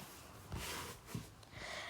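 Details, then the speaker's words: A sleeping puppy (female) snoring: soft, low snorting sounds faint against quiet room noise, heard behind speech. "Guys, if you can hear the snoring in the background, I'm so sorry. It is the puppy dog. She is fast asleep."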